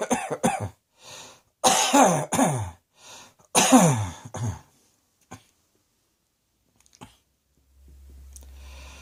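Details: Several harsh coughs in quick clusters, then quiet breathing; repeated coughing.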